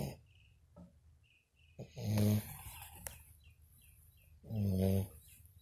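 Two loud, deep vibrating snores on breathing in, a few seconds apart, with faint bird chirps behind; ordinary snoring from a sleeping dog.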